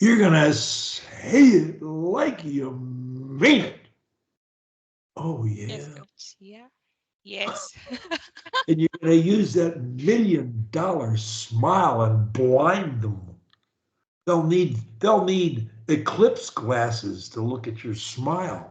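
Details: Adult speech coach; typical speech.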